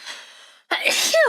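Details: A brief breath in, short pause, then one loud explosive sneeze ending in a vocal tail, from a compilation of livestreamers' sneezes.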